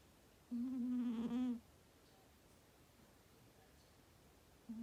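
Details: A sleeping Persian cat gives a single loud, tonal, humming snore on one breath, then quiet; snoring.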